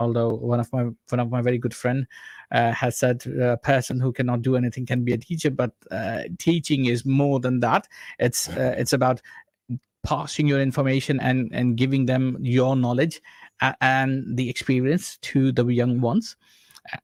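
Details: Adult male speaker; speech.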